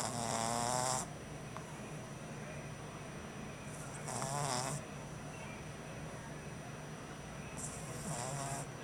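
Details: French bulldog puppy snoring while asleep, exhausted on his first night home: three loud snoring bursts, about 16 breaths a minute, against steady room noise.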